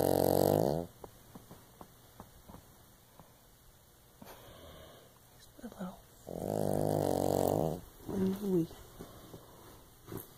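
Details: Pug/Shih Tzu mix dog sleeping gives loud, buzzing snores with soft snorts and small clicks between them; snoring.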